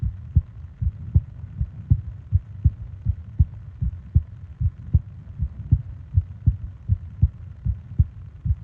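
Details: Steady low double thumps at about 80 beats a minute over a soft hum, from a 20-minute ASMR sleep recording of heart and breathing sounds; regular, normal heartbeat.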